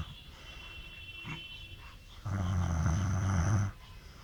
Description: Here Tired Daddy sleeping beside his 6 month old baby and video showing how she get annoyed by snoring of Daddy.